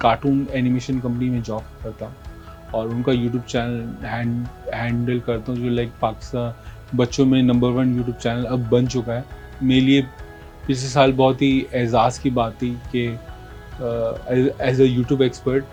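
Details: Stuttering in a 40-year-old man who stammers.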